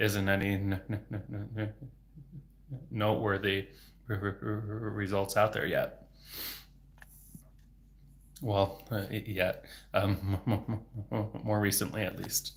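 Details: Adult male speech-language pathologist who has stuttered since age 8, for 26 years, speaking without fluency techniques; stuttering with sound, word and phrase repetitions and blocks.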